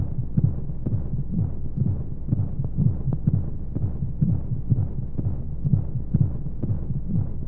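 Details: Womb sound played as a sleep aid for babies: muffled, rapid low thumps at roughly 125 a minute over a whooshing hum of flowing sounds and white noise; a heartbeat as heard inside the womb.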